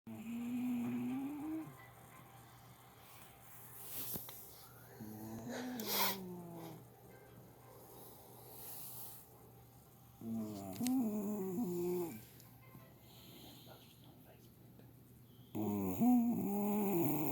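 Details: Loud, tonal snoring noises recurring irregularly over quiet room noise, roughly twelve a minute; snoring.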